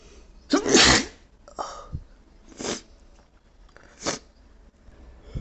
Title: Powerful allergy sneeze fit